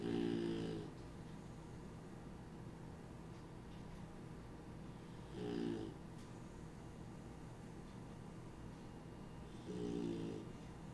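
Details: Hunting beagles napping near the AC vent; three low rattling snores about every four and a half seconds over steady background hum: dog snoring in sleep.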